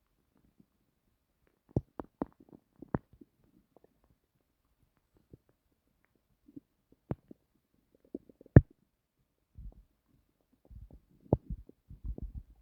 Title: I was trying to sleepbut my stomach had plans of its ownkept making noises so I decided to record it